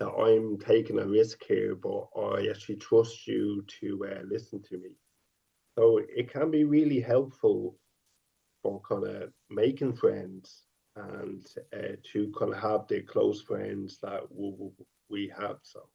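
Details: Stuttering since age five in a 50-year-old man; stuttering includes sound repetitions and prolongations.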